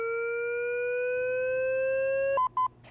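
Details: LIFEPAK 20 defibrillator in AED mode, during a training demonstration: a steadily rising electronic tone as it charges, then pulsed beeps signalling it is charged and ready to deliver a shock; AED charging and shock-ready tone.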